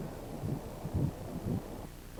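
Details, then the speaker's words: Early pregnancy ultrasound at about 5–6 weeks: soft, muffled, whooshing low pulses of the fetal heartbeat at 106 beats a minute, stated by the doctor to be very normal. "심장박동이 백 6으로 아주 정상이라고 말씀을 해주셨어요"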